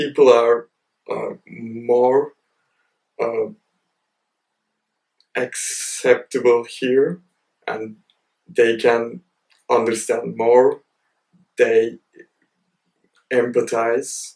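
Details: Male university PhD student who describes his own stammer as heavier, speaking with audible pauses and blocks; stuttering (stammer).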